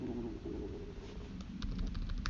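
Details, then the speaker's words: Low, bubbling gurgles and rumbles from an adult woman's abdomen, audible during talking: ordinary stomach growling from gut movement (borborygmi). "Again, sorry if you can hear my stomach growling."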